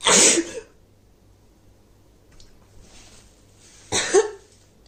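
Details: Woman with a head cold sneezing: two loud, abrupt sneezes a few seconds apart with quiet breathing between.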